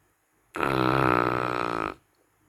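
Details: Dog snoring very loudly: one loud, buzzing, vibrating snore lasting about a second and a half in a quiet room.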